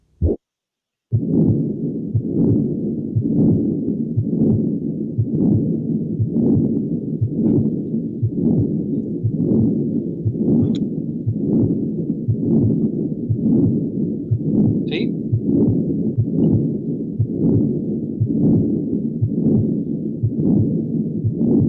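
Continuous machine-like murmur that swells and fades with each beat, about 59 a minute, never falling silent between beats: a patent ductus arteriosus murmur.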